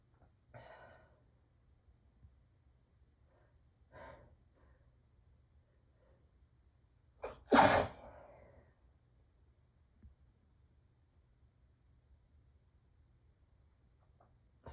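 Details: Morning allergy sneezing, muffled with tissues pressed tightly to the face: quiet breathy sounds, then one loud muffled sneeze with a sharp intake before it.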